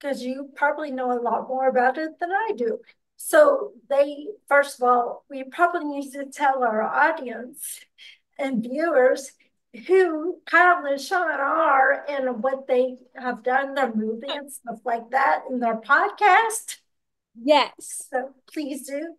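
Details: Ataxic speech in a podcast host who has ataxia and reports working extensively on pronouncing words.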